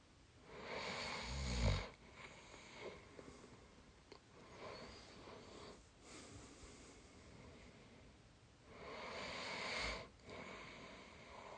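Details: Sleep snoring in a tired 22-year-old: two loud, rattling, low snores on inhaling about eight seconds apart, with quieter breathing between.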